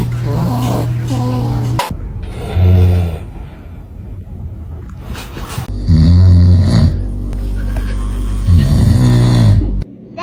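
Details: Father asleep near a baby; loud, deep, rumbling snores in long drawn-out breaths, heard close to the sleeper: snoring.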